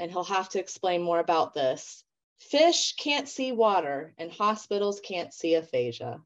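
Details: Adult woman speaking; ordinary speech.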